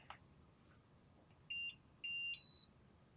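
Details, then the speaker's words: Three short high-pitched electronic beeps, the last a step higher, over quiet room hiss as a Plum infusion pump is switched on in a nursing demonstration; infusion pump power-on beeps. "so to first turn on your pump you're going to turn the on/off button on"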